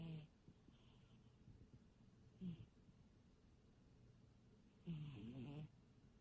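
Soft low snoring sounds from a sleeping cat, a few breaths heard faintly over background hum.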